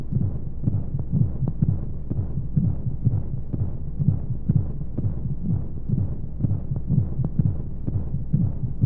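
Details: Womb-sound sleep aid for babies: steady low muffled heartbeat thumps, about 125 a minute, under continuous whooshing white noise and flowing sounds, as heard inside the womb.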